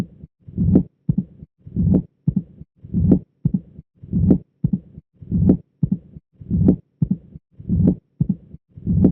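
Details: Mitral stenosis on auscultation (phonocardiogram): slow regular heartbeat with an opening snap after the second sound, a low mid-diastolic rumble, and presystolic reinforcement before the first sound, the classic Duroziez rhythm.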